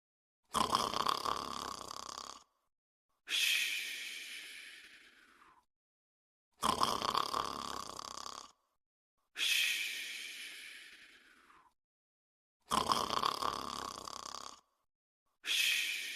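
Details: Cartoon snore sound effect (Fafa, Toopy and Binoo; Pink Panther super slow snore), not a real sleeper: long rasping in-breaths alternating with whistling out-breaths, five cycles; exaggerated simulated snoring.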